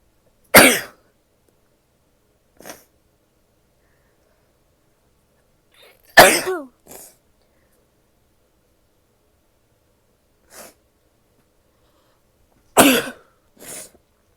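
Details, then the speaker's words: Three sharp, explosive sneezes in a quiet room from a woman, each followed by a softer breath or small cough, which she says looking up always triggers; repeated sneezing. "look up because it always makes me sneeze."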